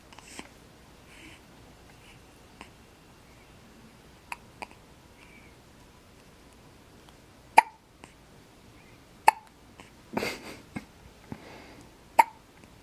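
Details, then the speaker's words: 4-day-old baby boy with hiccups: sharp, brief hiccup sounds at irregular intervals, about a dozen, in a quiet room. "This little man has the hiccups. And let's see, he is 4 days old."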